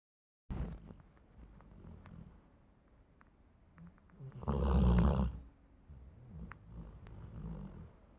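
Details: Snoring during sleep: low rumbling breaths with one loud snorting snore in the middle.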